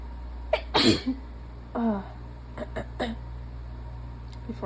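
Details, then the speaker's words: A loud, partly stifled sneeze with an audible inward gasp, then smaller sniffs and breathy catches, late in a sneezing fit in someone who says they are sick and congested and tiring; sneeze. "I'm like they're starting to lose their punch um because I can really only go on with those like huge ones for so long before um before um I have to sneeze again"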